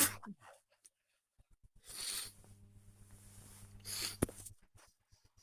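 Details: Natural sneezes from a healthy male, not ill and outside allergy season, recorded on a smartwatch: two sharp, breathy sneeze bursts over a low background hum and faint clicks.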